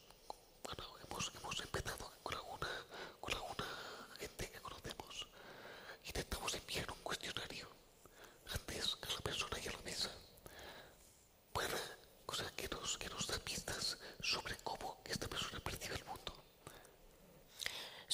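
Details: Man with the neurological disease dystonia, which in his case impairs control of his neck movements and can affect other body parts; he speaks without voice tone, in a whisper: whispered voice (aphonia) due to dystonia.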